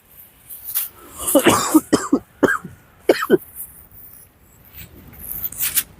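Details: A short run of harsh, rough coughs and throat clearing from an adult with a cold settled in the throat, sore throat and a little phlegm, on waking, with quiet outdoor noise around.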